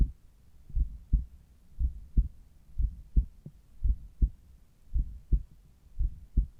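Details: Morning normal heart sounds at the apex, recorded through a Littmann Cardiology IV stethoscope.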